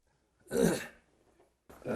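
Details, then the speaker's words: 61-year-old man with about 15 years of dry chronic cough and hoarseness, attributed to reflux esophagitis rather than the airways; a rough, voiced throat-clearing burst, with another starting, done to relieve an itchy, foreign-body feeling in the throat; chronic throat clearing. "목이 근질근질하고 어 목에 뭐가 이물감이이 있는 그런 느낌이 있어 가지고 그걸 해소하기 위해서 기침을 하는 거거든요."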